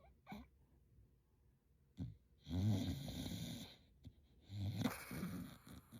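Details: Sleeping dog gives two loud, rough, rattling snores on drawn-out breaths with quiet breathing between, described as anime-like; ordinary dog snoring.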